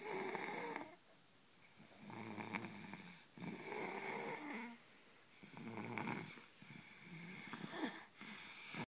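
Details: A boy snoring while asleep; snoring.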